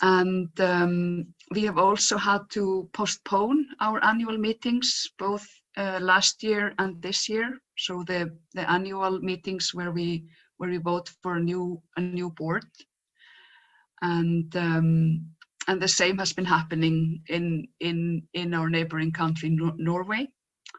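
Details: Stuttering in an adult woman who stutters, who says her stutter is quite obvious today.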